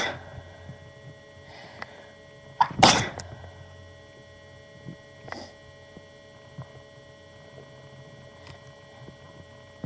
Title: just more sneezing